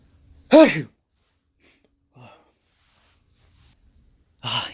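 A single acted adult sneeze, a sharp voiced burst with a hissing release, then near silence.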